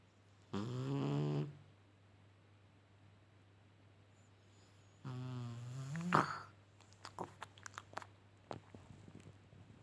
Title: happy snoring cat